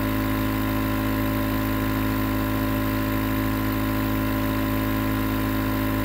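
Steady mechanical hum with a fast, even buzzing pulse throughout, the continuous running sound of a nebulizer compressor.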